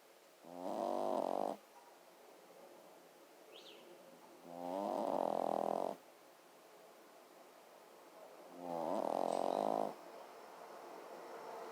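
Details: Dog snoring while asleep: three rumbling, vibrating snores about four seconds apart, near 15 breaths a minute, with quiet pauses between them.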